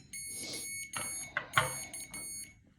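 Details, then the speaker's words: Series of high electronic beeps and a brief tune from a CADD Legacy infusion pump (IV Remodulin) running its start-up self-test after power-on; normal ready signal before reaching the stop screen for programming. "pump it's going to perform some self tests um once you hear it sing a little song and get to the stop screen um that's when you know it is ready to be programmed"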